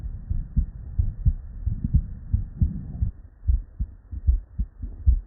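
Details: Real, unedited bedside auscultation of a human with normal cardiac physiology: regular low lub-dub beats with clear first and second heart sounds and no added noises, normal heart sounds.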